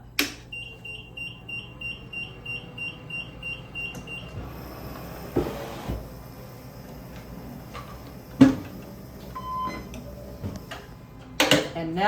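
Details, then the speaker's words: Puritan Bennett 760 ventilator power-on alarm tones as the ventilator is switched on after heated circuit setup, before the short self test: a run of short repeated electronic beeps, then a steady high tone with clicks and room noise. "and then this goes to the patient now we'll turn the ventilator on flip it up"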